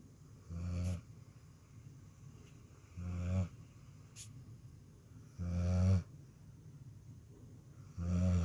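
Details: Dog snoring in deep sleep: low, rumbling, short regular snores, about 24 a minute, with quiet pauses between.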